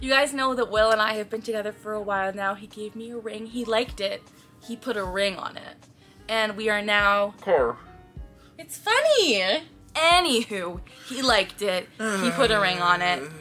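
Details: Vocal tics in an adult woman who reports having real Tourette syndrome; she says being with her fiancé triggers more tics.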